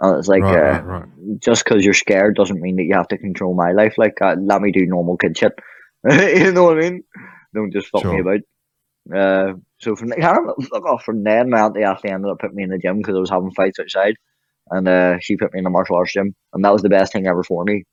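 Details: Vocal tics with coprolalia (involuntary swearing) in a man with Tourette syndrome who also has motor tics.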